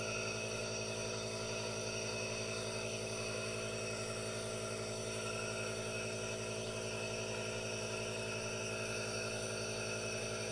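Steady, even mechanical hum with a faint rapid pulsing, the continuous running sound of an aerosol nebulizer compressor.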